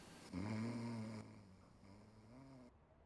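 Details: Acted snoring in a French comedy sketch about a snoring ventriloquist: a low, rumbling voiced snore, one loud fading inhalation, then a softer second one; simulated snoring.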